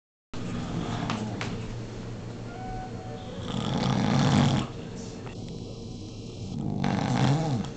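Low, rough rattling breaths during sleep, rising and falling with each breath over a steady room hum; snoring.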